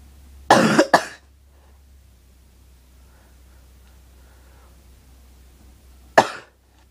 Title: cough cough